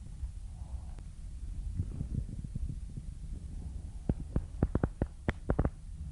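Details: Low rumbling stomach gurgles, then a run of sharp bubbly pops and clicks near the end: ordinary stomach growling (borborygmi).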